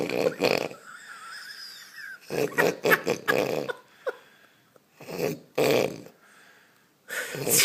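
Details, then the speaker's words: An adult man asleep after a night celebrating his newborn son, snoring loudly: rough bursts of noisy, snuffling breathing with pauses between them in a small room, while people talk loudly nearby. "That's a big snore. That's alright, eh?"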